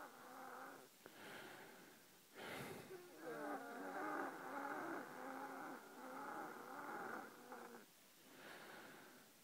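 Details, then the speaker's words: Own breathing recorded at night while lying down: musical, whistling wheeze carrying several pitched tones through long breaths. "what you're about to hear is my wheezing this is my breathing when I lay down there's no picture it's just listening to me and how annoying it is"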